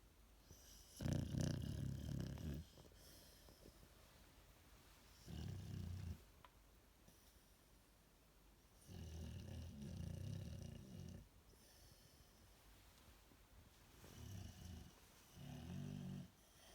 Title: MAX The AmStaff 😍comfortably snoring on an electric blanket